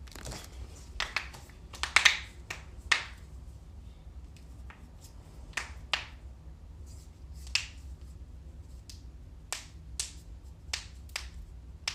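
Series of sharp, dry pops and clicks in quiet, consistent with joint cracking, a usually harmless gas release.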